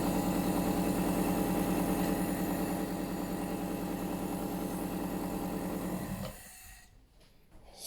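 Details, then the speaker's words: Omron CompAIR NE-C28P compressor nebulizer switched on with medicine and mouthpiece fitted: steady buzzing motor hum with fast pulsing, cut off near the end. "and just to the next usage is very easy you just need to switch it on and you see there is a steam"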